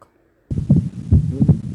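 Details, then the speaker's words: Teaching recording: wide split second heart sound in right bundle branch block, with inspiration and expiration cues called out during the sound. "Split second heart sound in right bundle branch"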